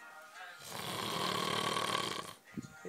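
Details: Man snoring while asleep in a pitch-black camping hut in a Scottish forest: one long, loud, rasping snore on an in-breath, followed by quieter breath noise.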